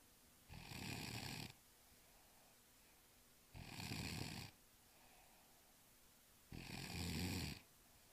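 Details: Ordinary sleep snoring: three loud, rough snoring breaths about three seconds apart, roughly 20 a minute, with quiet pauses between.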